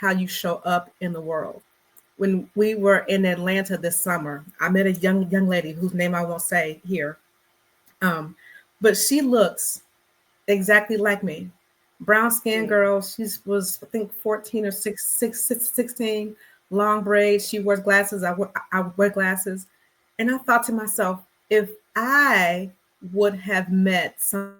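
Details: Adult woman who stutters and has come to accept and embrace her stuttering, speaking in a podcast interview; stuttering.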